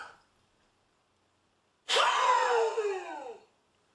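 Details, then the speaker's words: Peak flow meter demonstration: after a maximal deep breath, one hard, fast exhalation lasting about a second and a half into the meter, reading about 550 L/min. "then what we're going to do is have the patient take a nap maximum deep breath in followed by a fast exhalation out okay like this big breath in"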